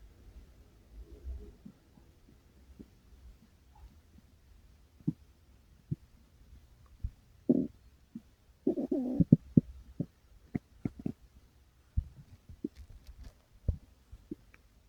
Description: well, my tummy started to growl and growl, and I decided to record it, but... just as I was recording, my mom decided to call me on the phone, so I had to stop recording.